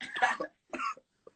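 Two harsh, rough coughs in quick succession from an adult, followed by a faint short after-sound; a plain cough.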